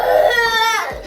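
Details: A 4-year-old boy's loud, wailing cry trailing off into a sob while made to clean his room before bed; ordinary upset crying.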